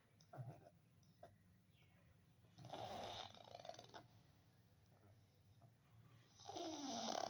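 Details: Sleeping pug snoring: noisy, snorting, rattling snores with wheezy, whistling noises on the breaths.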